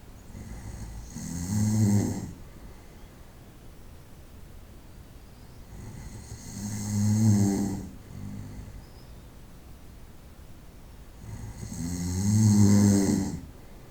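Three loud, rattling snores on breathing in, at about 12 breaths a minute, with quiet breathing between; night-time snoring.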